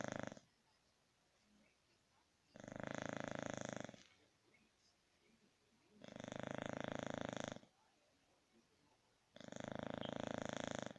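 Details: Sleeping English Bulldog snoring: loud, rough, rattling snores about 1.5 seconds long, repeating about 18 times a minute with quiet pauses between.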